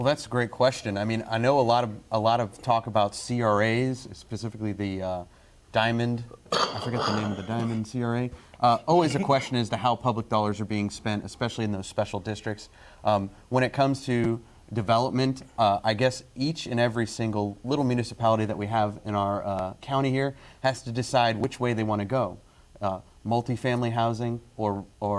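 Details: Adult man; typical voice.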